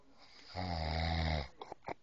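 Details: Adult man recorded asleep after denying he snores: one deep, rumbling, vibrating snore on the in-breath, followed by a few soft breath noises; snoring.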